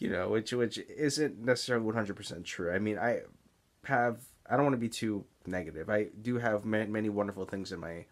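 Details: Adult man with Tourette's syndrome and stuttering, mainly speech blocks seen as excess or mid-sentence pausing, especially on words beginning with S; stuttering.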